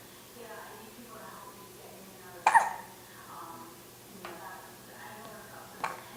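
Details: Baby boy held over an adult's shoulder with hiccups: three sudden, sharp, brief catches of breath a few seconds apart, with soft adult talk in the background.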